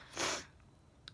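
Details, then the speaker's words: Single sharp, hissing sneeze from an adult who just started sneezing at bedtime after a hot day gardening in the sun, with his cat heard in the background; sneeze. "oh my just started sneezing i'm just about to go to bed"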